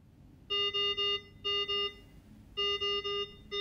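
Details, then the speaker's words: Datex Aspire anaesthetic machine check: the oxygen pipeline is unplugged to test that nitrous oxide shuts off automatically, and the oxygen supply failure alarm sounds as repeating groups of loud, high electronic beeps. "if the oxygen supply from the pipeline were to fail the supply of nitrous oxide should automatically shut off and we can test this by unplugging the oxygen pipeline and watching the rotameters"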